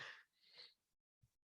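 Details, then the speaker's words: Two quick harsh cough bursts and a soft throat clearing from an adult who has been sick with a lingering cough for about two weeks. "oh well as you can hear I'm I'm struggling over here with my cough this it's been a couple weeks for me"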